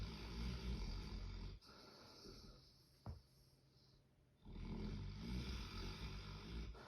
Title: Snoring dog